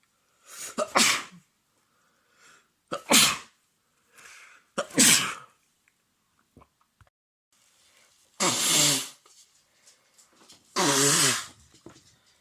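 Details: An adult man with a cold after cold, windy mountain weather, with congestion and cough, sneezing: a run of five loud, explosive sneezes, some with a voiced cry and wet nasal sound, separated by breaths and sniffs.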